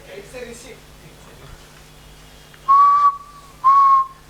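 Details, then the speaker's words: Human imitation of rhonchi from accumulated airway fluid, in a talk on cough: two short steady whistled tones after faint background talk. "Antim tart is my favorite remedy. I love to see this remedy. It has got accumulation of fluids here."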